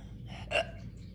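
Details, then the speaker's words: Repeated hiccups during a prolonged hiccup attack, each sounding different, one with a small squeak. "i'm keeping you guys here until the last hiccup kickouts that was a cute one did you hear the squeak why are they all different"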